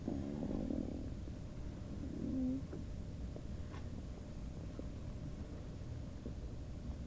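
Low gurgling, squeaky stomach rumbles over a noisy background; ordinary bowel sounds from gas and fluid moving.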